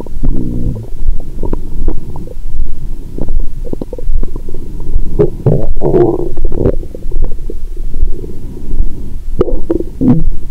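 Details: Continuous low gurgling and rumbling with frequent bubbling bursts, heard through a stethoscope over an adult woman's abdomen after wine and a meal following a 22-hour fast; period due, bloated: active bowel sounds.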